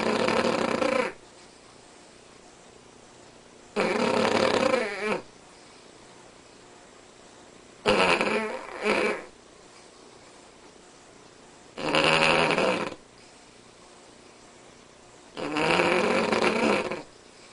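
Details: Sleeping Cavalier King Charles Spaniel snoring unusually loudly: loud, rattling snores about 16 a minute with quiet pauses between.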